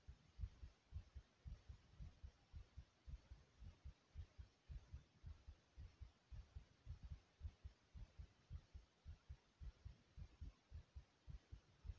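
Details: Own heartbeat recorded after various exercises: rapid, regular heartbeat at roughly 110 a minute under steady hiss; normal fast heart rate after exercise.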